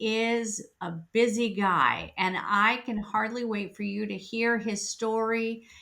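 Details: Adult woman speaking; typical speech.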